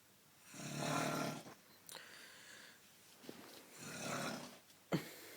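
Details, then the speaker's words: Man snoring at night, still going at about 6:31 in the morning, and louder if moved or shushed: rough, rattling snores on the in-breath, two cycles a few seconds apart, with a quiet room between them. "if you move or try and get to shush then it just makes loud louder it's louder and there nothing you can do about it"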